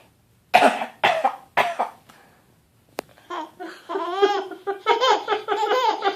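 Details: Voluntary fake coughing by a 6.5-month-old infant: three short, deliberate cough bursts on prompting, then happy babbling and giggly vocal sounds.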